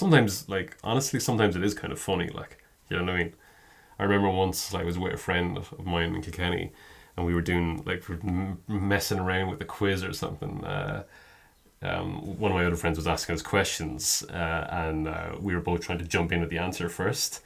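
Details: Adult man with a stammer present for as long as a longtime friend has known him; stammering (stuttering).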